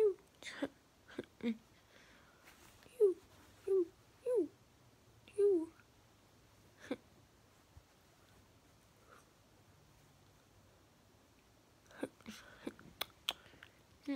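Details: Moderately bad vocal tic day; vocal tics.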